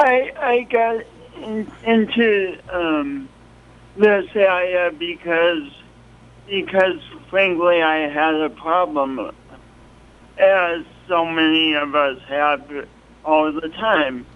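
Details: Speech impediment in an adult man, present since an early, traumatic birth with loss of oxygen, along with coordination awkwardness; the impediment is audible to listeners.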